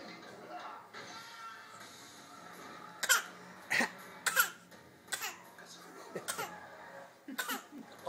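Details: An infant deliberately practicing coughing: about six short voluntary coughs, a playful imitation rather than illness.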